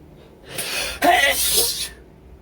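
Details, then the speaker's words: Acted scenario sneeze from a male with severe pollen allergy during a flower dissection class: a short in-breath, then one powerful, explosive sneeze, induced by tickling his nose with a feather to clear the pollen. "oh bless you what a powerful sneeze bless you your nose is so itchy and you are gonna sneeze bless you"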